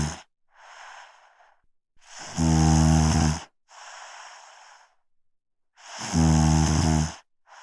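A loud, vibrating snore on each breath in, with a soft hissing breath out between, about 16 breaths a minute. Loud snoring.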